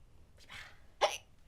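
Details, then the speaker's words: Woman during a staged game performance, who is said to always get hiccups when they play: hiccups. "She's got the hiccups, hasn't she? Always getting the hiccups. Each time we play this game, you seem to get the hiccups."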